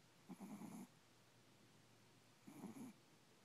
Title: Moxie (yorkie) sleeping and snoring